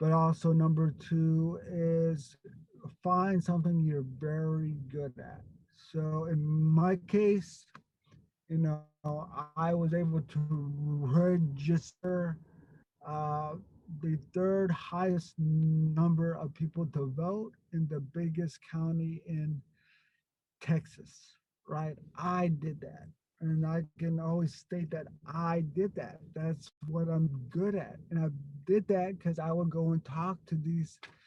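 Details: Stuttering in an adult man who grew up with a severe overt stutter and still gets stuck on a word here and there.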